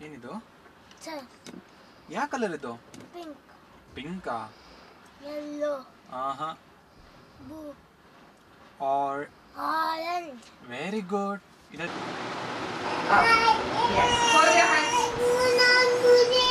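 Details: Patient with aphasia after stroke naming colours in a speech therapy session, with clinician prompts possibly mixed in; aphasia.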